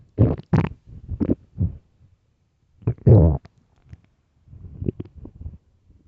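Low gurgling rumbles in short bursts with pauses; ordinary early-morning stomach growling.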